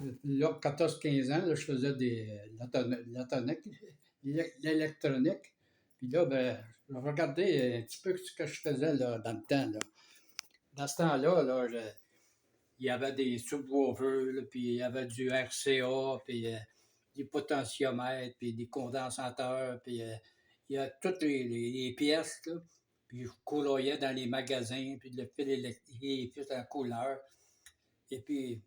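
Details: Man speaking French about two years after onset of aphasia, following a 45-day hospitalization; he is starting to speak a little again; aphasia.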